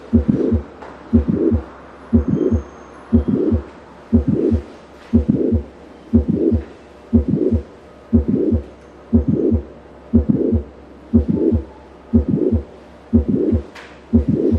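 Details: Mitral valve prolapse on a simulator, heard at the apical focus at about 60 beats/min: a click followed by a late systolic murmur.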